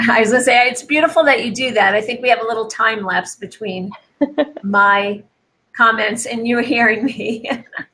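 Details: Adult woman speaking; normal speech.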